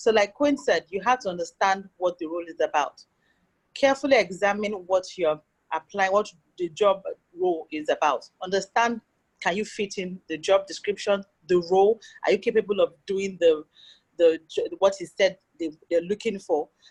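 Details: Adult speaker; normal speech.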